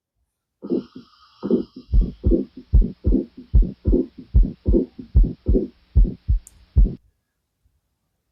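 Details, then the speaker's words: Acute severe mitral regurgitation: regular heart sounds about 74/min with a short early systolic murmur and an S3, giving a triple rhythm with one murmur. "So what you are noticing in this is in this sound is there is triple sound along with one murmur. Triple sound along with one murmur. So because there is regurgitation there'll be S3 sound also here."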